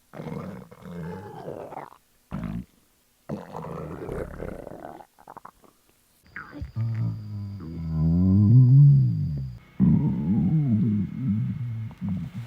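Long, low gurgling and groaning rumbles that rise and fall in pitch; loud stomach growling, a normal gut sound.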